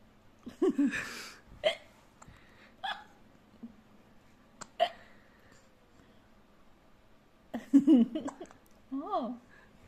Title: hiccups 😺😺